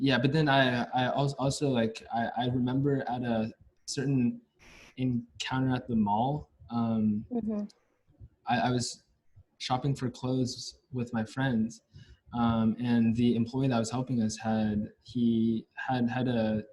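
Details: Stuttering in a US-born man from a Chinese family, a senior university neuroscience student, who has stuttered since about age five or six, with blocks and getting stuck on sounds; his father and maternal grandfather also stutter.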